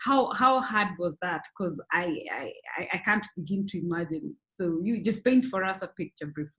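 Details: Adult woman speaking; normal speech.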